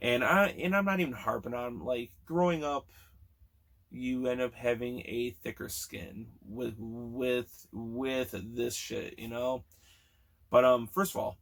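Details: Stuttering in a man almost 40 who has stuttered since childhood, with sound and word repetitions in this stretch.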